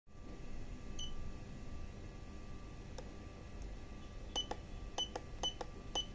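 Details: Syringe pump SP1 being operated: steady low hum with a series of short high keypad beeps and clicks near the end.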